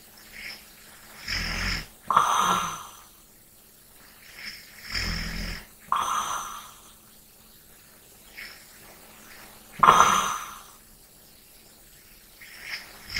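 Repeated sleep breaths, some with a low, rough snoring rattle and a snorting breath out, with a faint hum in the room. Light snoring.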